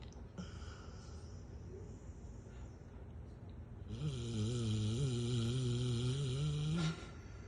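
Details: Female Rottweiler napping, snoring: quiet breathing, then a long, loud, low rattling snore lasting about three seconds with a steady buzzing tone.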